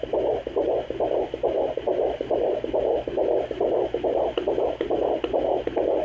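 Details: Fetal heartbeat at 17 weeks of pregnancy on a handheld pocket fetal Doppler: fast, regular whooshing pulses at about 140 a minute.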